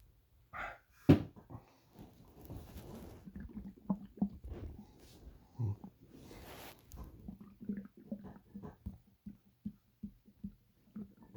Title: My noisy sloshy stomach growl